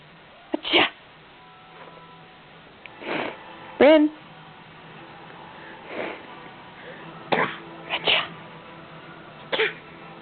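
A series of short, sharp sneeze-like bursts with brief voiced sounds between them, heard over faint background hum.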